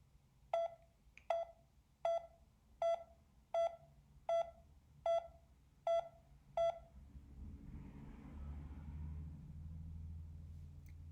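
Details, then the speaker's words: Pulse oximeter with tone modulation (higher SpO2, higher pitch) at SpO2 100%: nine steady, high-pitched beeps at about 79 per minute. "changing tones with changing spo2 is called tone modulation it sounds like this for an spo2 of 100"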